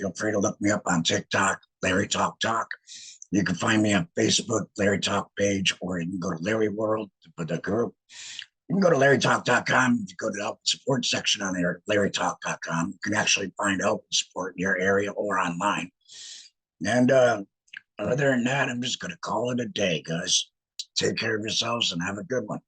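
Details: Male laryngectomee who regained speech after laryngectomy; alaryngeal speech after laryngectomy.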